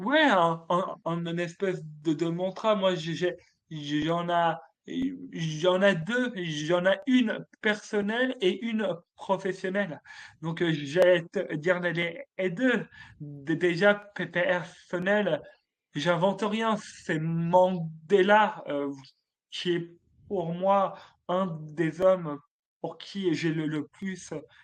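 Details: Adult male French-speaking comedian who has stuttered since childhood; stuttering.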